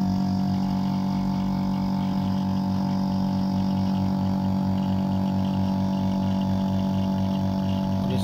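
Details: Oxymed portable suction machine (220 V, 90 W, 1-litre jar) running at full suction with the tubing blocked so the gauge needle moves: a steady loud motor hum with a fast, regular pulsing throb.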